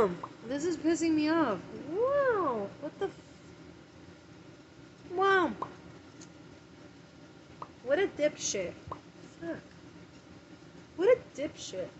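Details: Adult with tics producing repeated involuntary interjections ('wow') and profanity; vocal tics.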